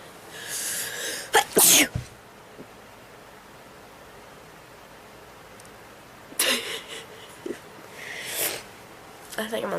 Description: has a sneezing attack